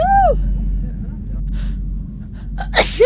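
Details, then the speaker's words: Sneeze self-induced with a piece of grass, attempted within 15 seconds: a few catching breaths, then one sharp, explosive sneeze with brief voiced sounds before and after over a low background rumble. "trying to make myself sneeze in less than 15 seconds with a piece of grass"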